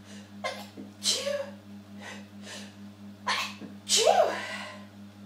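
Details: Several sneezes in the shower recorded on a phone, the final ones muffled by sneezing into a bath towel, over a steady low hum of room noise.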